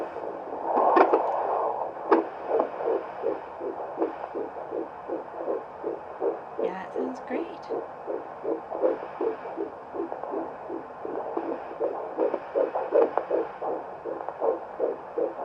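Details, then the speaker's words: Fetal heartbeat heard for the first time on handheld Doppler at a prenatal visit: rapid, regular whooshing at about 150–160 beats a minute, called normal for this stage of pregnancy. "Yep, sounds beautiful."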